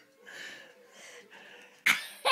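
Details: A young boy's pretend sneezes on request: a breathy build-up, then two sharp bursts, not real sneezes.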